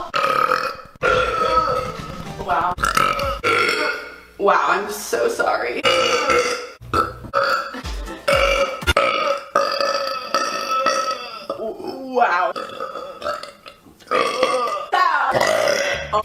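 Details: Girl producing a series of loud, drawn-out voiced belches one after another with music behind, from a burping compilation; burping.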